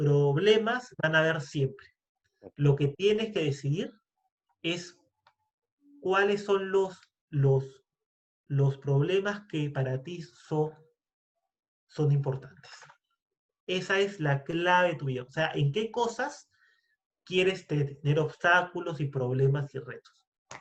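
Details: Stuttering with word and part-word repetitions in a Spanish-speaking man who identifies himself as a person who stutters, speaking in a podcast conversation about stuttering.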